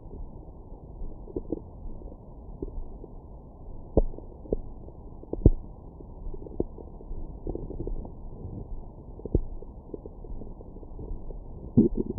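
Low gurgles and rumbles with scattered sharp pops, the sound of ordinary stomach growling after a meal.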